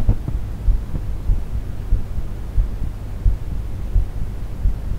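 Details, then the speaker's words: Own normal heartbeat recorded with a contact microphone (phantom power, unprocessed) on a Zoom F4 recorder: steady low thumping at about 90 beats a minute, with a faint hum underneath. "according to this setup the best type of microphone to record a heartbeat is the small diaphragm condenser microphone"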